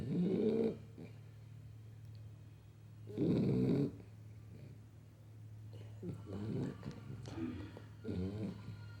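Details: Dachshund puppy, 3½ months old, snoring while asleep: loud rasping snores about every five seconds with softer breathing between, over a steady low room hum.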